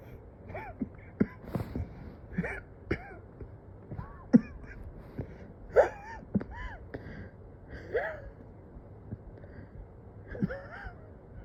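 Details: Coughing with shortness of breath after days of struggling to get consistent deep breaths despite near-decent oxygen: repeated short, weak coughs and throat sounds between quick, effortful gasping breaths.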